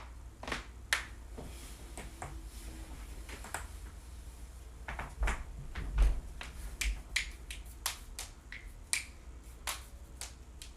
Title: joint cracking compilation